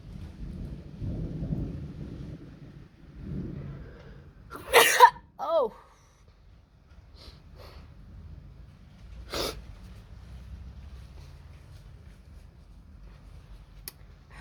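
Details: Wide-nosed individual in Africa sneezes: one loud explosive sneeze with a short voiced tail, then a smaller burst seconds later, over low room noise.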